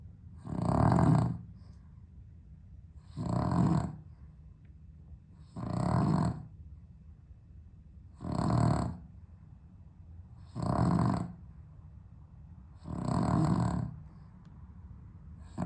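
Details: Dog snoring with sleep apnea, on heart medication, on a hot 32°C day without air conditioning: loud regular snores, about 24 per minute, separated by quiet pauses.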